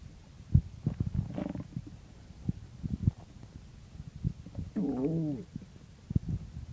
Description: In this video, pretty much what the title says, I woke up and my stomach was noisy so I started recording it.